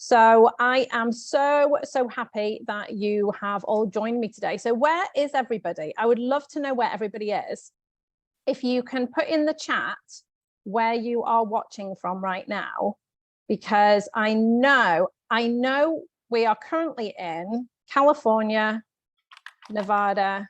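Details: Adult woman; normal speech.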